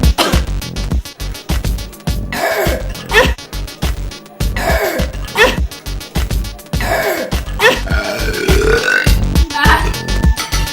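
Repeated long, low, gurgling belches over background music: burping.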